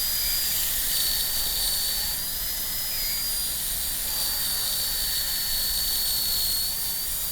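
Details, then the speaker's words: High-speed dental handpiece with 330 bur cutting along the central groove, leading slightly lingually, in a tooth 19 MO composite preparation demonstration: continuous high-pitched whine. "So we're just going to do the same as we usually do and cut right along the central groove, leading the bur a little bit lingually."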